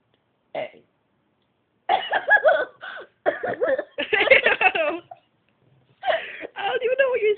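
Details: She deliberately burps the ABCs, making long, voiced burps shaped like letters with short pauses between them.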